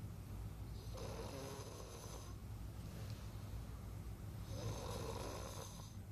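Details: Nighttime snoring in a sleeping person: two slow, rough inhaled snores about four seconds apart over a steady low hum of room noise; ordinary snoring.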